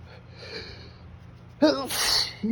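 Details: Sneeze triggered by sniffing perfume, with repeated "oh, phew" build-up: a quick indrawn breath then one loud, forceful sneeze.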